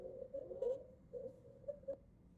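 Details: Teaching-lecture example of stridor from upper airway obstruction: a harsh, high-pitched, steady-toned noise in repeated short bursts with the breaths, over faint room hiss.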